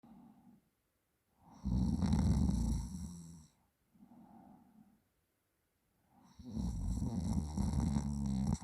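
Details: Loud rattling snores on inhalation with softer breaths and short silent gaps from a sleeping person; snoring.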